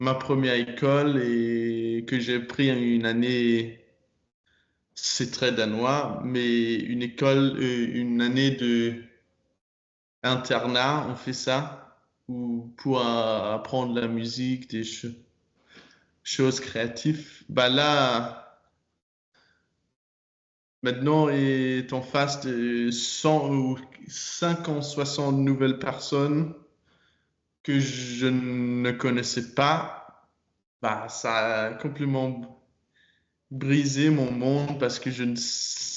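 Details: Stuttering in a 22-year-old man speaking French, with repetitions and blocks. His stutter was very strong when he was younger and still affects him.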